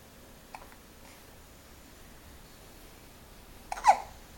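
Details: Baby hiccuping in the morning: a few brief, soft, abrupt catches of breath spaced seconds apart in a quiet room.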